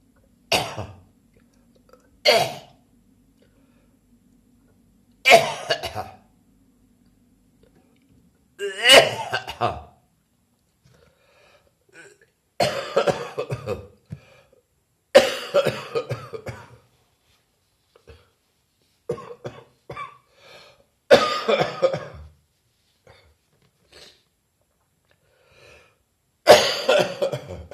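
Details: An adult still coughing over three weeks after a chest infection: about nine harsh, throaty bursts separated by quiet pauses, a lingering post-infectious cough.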